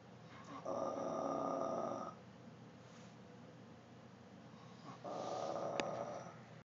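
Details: Two loud, buzzing, nasal snores about three seconds apart with quiet breathing between; very loud snoring in the dark, likened to a semi's jake brake.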